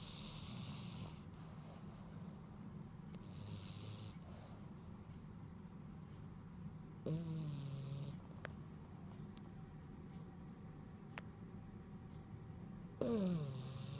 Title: Snoring? I don't snore.